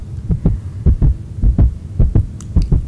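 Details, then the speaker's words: Regular paired low thumps, about 100 per minute: a heartbeat described as sounding very stable, played in a staged doll-play story of a doctor listening to a patient's heart. "well let me listen to your heartbeat while we wait for your results to come back mm well your heart sounds very stable and"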